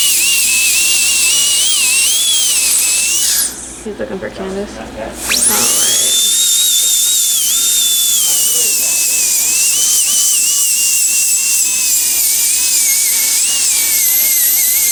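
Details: Loud high-pitched dental handpiece whine, briefly pausing then resuming, trimming and smoothing a temporary crown's edges to even width and thickness during a single-unit crown procedure.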